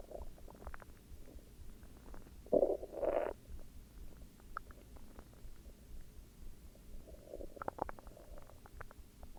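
Soft gurgling and rumbling with a couple of louder squelchy bursts in a quiet setting: ordinary stomach growling (bowel sounds).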